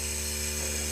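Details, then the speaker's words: Home compressor nebulizer running with a continuous, fairly quiet mechanical hum and steady whine while a child uses it with a mouthpiece, not a mask; nebulizer compressor running. "bunyinya seperti itu ya jadi enggak terlalu bising banget sih tuh"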